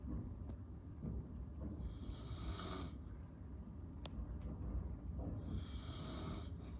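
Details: Adult man (father) snoring softly during sleep: two hissing, airy breaths about three and a half seconds apart over low room rumble.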